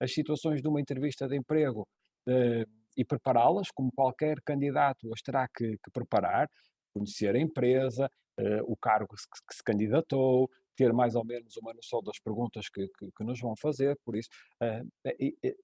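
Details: Adult male speaker, Portuguese; normal speech.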